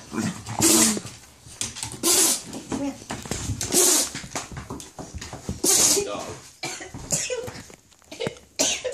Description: Gromit is so cute when he sneezes. I love his Sneeze face, so funny!